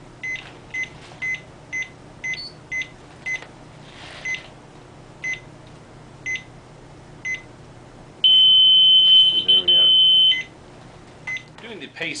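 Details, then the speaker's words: Zoll M Series defibrillator alarm test on a patient simulator: low heart rate alarm set to 65 and simulator changed to 60; regular monitor beeps, then a sustained high alarm tone for about two seconds as the low-rate alarm triggers. "there's one for checking the low rate alarm we are going to set this to 65 and we will change the simulator to 60 so that so when it hits 60 it should"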